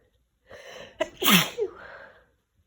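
Drawn-in breaths, then one wet, explosive sneeze with a breathy trailing exhale; sneezing with a cold.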